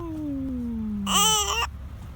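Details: 2-month-old infant hiccups and cries: a brief high-pitched cry burst after a falling vocal tone.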